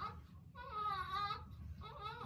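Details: Newborn's short, high-pitched cry with a brief pause, then a fresh cry, against quiet room noise, just after a hard-to-push normal vaginal birth of a second baby who at first was not crying.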